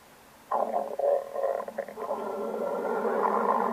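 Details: Stomach growling (borborygmi): a low, gurgling rumble that starts abruptly and rolls on irregularly for about three seconds.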